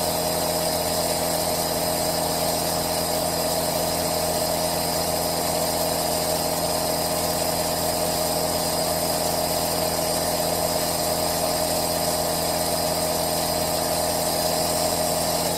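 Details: Aerosol nebulizer running, recorded with a Zoom H1n: constant buzzing motor hum with steady hiss and no breaks.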